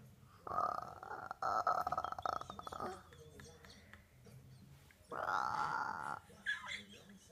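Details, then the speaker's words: Young child imitating her mother's snoring: two rough, rattling, snore-like sounds with soft sounds in between; imitation, not real snoring. "what are you doing? Snoring. Snoring? Who snores? Mommy."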